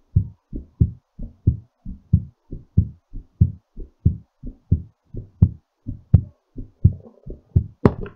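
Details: Strong, steady low heartbeat thumps at about 85 beats a minute, slowing during recovery; normal heartbeat after exercise.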